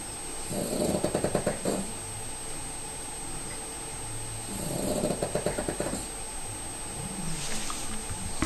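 A pug snores loudly, with rough, fluttering breaths about every four seconds and quiet pauses between them.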